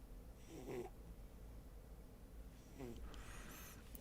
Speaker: can you guys hear that snoring that's my cat